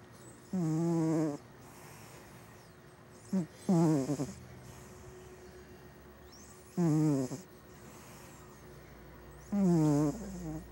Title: Gato Roncando // Cat Snoring